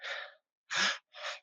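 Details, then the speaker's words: Mouth imitation of normal vesicular breath sounds in a chest auscultation lecture: soft, breathy airflow across the whole inspiration and expiration, longer on inspiration. "que es un murmulo vesicular normal, voy a escuchar el, ¿no?"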